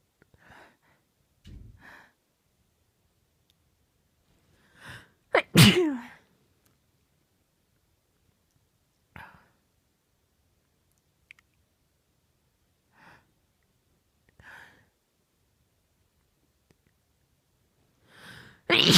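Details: Female, a run of about nine uncovered sneezes with quiet breaths between them, including one loud forceful sneeze; powerful sneezing.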